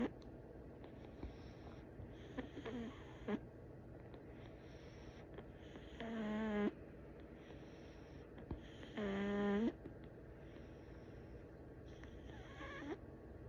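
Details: Sleeping rescue cat: quiet, irregular breathing noises with a few louder tonal snorts over a steady room hum; snoring.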